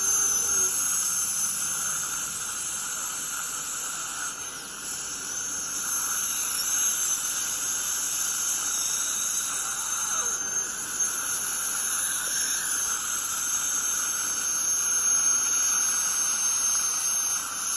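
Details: Ultrasonic dental scaler in use during deep dental scaling: steady high-pitched whine and hiss with water spray, running continuously.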